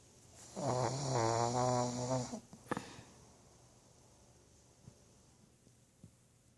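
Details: Pug dog snoring loudly while asleep: loud rattling, buzzing snore followed by quiet room noise and faint clicks.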